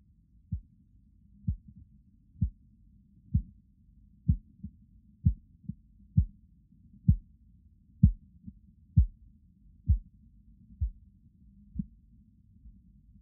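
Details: Soft, regular Korotkoff pulse beats at about 64 a minute over a quiet hum, heard during blood pressure measurement, picked up with a phone-based stethoscope device for checking and calibrating a blood pressure monitor.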